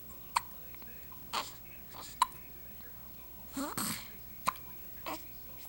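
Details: Infant: soft, brief, sharp little catches at irregular intervals in a quiet room; infant hiccups, a normal finding.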